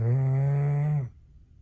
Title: #short #Doberman pinscher snores #shorts